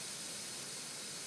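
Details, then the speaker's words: Continuous airy hiss of gas flow through nasal prongs from a SiPAP neonatal ventilator delivering nasal CPAP on a training mannequin, with flow raised to target 5–6 cm H2O; normal nasal CPAP flow sound. "the flow I can bring up my CPAP pressures to what I want to have delivered for my patient in this case we're going to Target five oh maybe we should go up to six"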